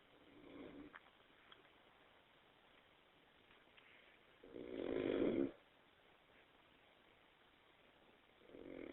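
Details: Adult snoring during sleep: rough, buzzing snores recurring about every four seconds, roughly 15 breaths a minute, with quiet pauses between.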